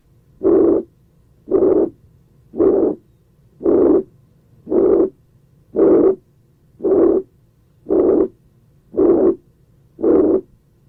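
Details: Regular blowing pansystolic murmur filling each systole at about 57 beats a minute, ventricular septal defect, heard at the left lower third intercostal space.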